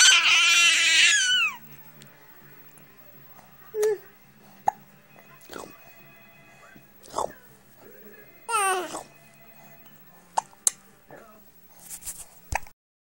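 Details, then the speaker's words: A 4-month-old baby boy laughs and squeals, broken by several short, abrupt hiccup catches; he gets hiccups every time he laughs. Brief loud music at the start; hiccups. "Every time you laugh, you get the hiccups."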